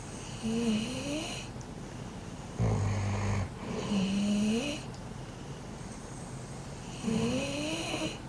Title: いびきがやばすぎるピットブル Pitbull with too much snoring #shorts